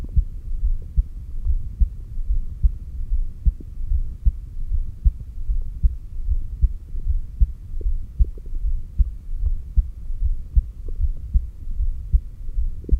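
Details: Steady, regular low heartbeat thumps at about 76 a minute over a faint hum, recorded by stethoscope at the apex during exhaled and inhaled breath-holds; stomach growls may occur; normal heart sounds.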